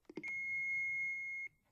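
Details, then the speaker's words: AED power-on beep in a CPR training demonstration: a few quick clicks, then a steady electronic beep lasting over a second as the defibrillator is switched on by its power switch, before its voice prompts. "if an aed is not available right away give cpr until an aed is at the scene and ready to use first turn on the aed"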